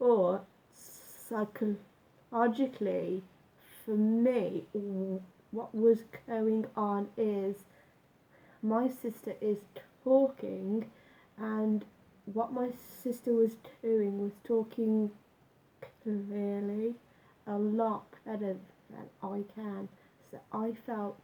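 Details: Adult male with lifelong stammer, onset about age nine after school bullying, much worse in youth, now self-described as slight; had breathing-focused speech therapy and still practises techniques; stammer (stuttering).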